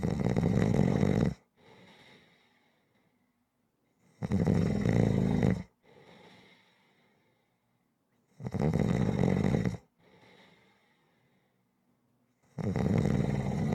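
Regular, loud, deep snores on each in-breath with soft out-breaths, about 15 breaths a minute. Steady rhythmic snoring.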